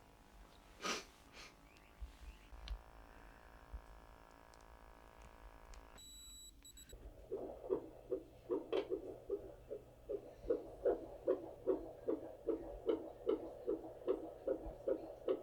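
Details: Doppler fetal heart tones recorded during a birth, as staff discuss whether the baseline is now a little higher than before; normal fetal heart tones.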